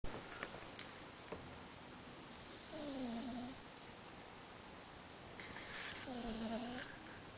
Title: My Cat Snoring